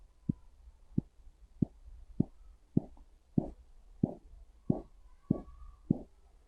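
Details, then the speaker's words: Manual blood pressure check on the arm with a sphygmomanometer and stethoscope. The cuff is inflated to 180 and slowly deflated, and regular soft tapping pulse sounds begin at about 98 a minute: Korotkoff sounds. "उसके बाद जब सुई नीचे को आती जाती है आती जाती तो आपने देखा था कि एक लेवल ऐसा आया था जहां पर आपको जो है धड़कन की आवाज सुनाई देनी शुरू हो गई थी"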